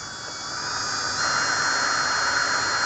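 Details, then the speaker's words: Second dental handpiece on a dental unit, run by pressing the foot pedal and turning the speed control: high-pitched steady whine with hiss rising as it spins up to speed. "Yang kedua juga diinjak diinjak diputar maka dia berputar"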